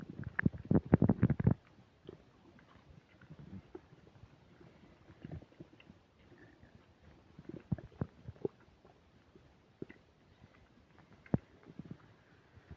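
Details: Loud stomach rumbling while eating a burger and fish fries, upset digestion: a loud rumbling gurgle, then scattered softer gurgles and pops of active bowel sounds.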